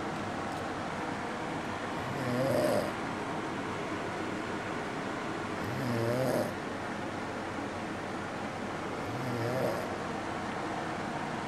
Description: this is what I deal with when he's actually home... lol And he says he does not snore.